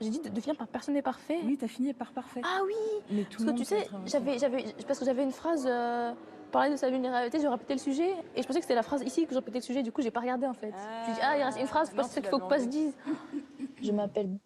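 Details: Stuttering since early childhood in a female adult triathlete, with particular difficulty on the letter R, certain numbers, syllables and consonants; stuttering.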